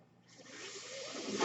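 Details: Speaker's own mechanical ventilator, heard during a podcast recording: a soft airy hiss swells steadily louder over about a second and a half as the ventilator pushes a breath in.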